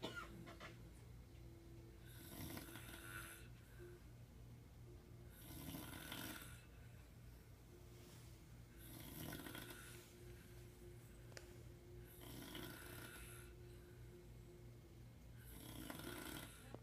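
Regular rasping snores on each inward breath, about 20 a minute, with a steady low hum in the room.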